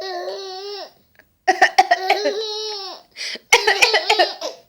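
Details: Short, sharp imitated play coughs from an adult, mixed with a young child's high, sustained laughing and squealing at the coughing; an imitated cough.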